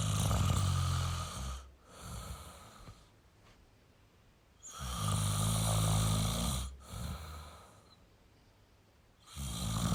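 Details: Male snoring: loud, low rattling snores on each breath in, with quiet pauses between, about three breaths in ten seconds.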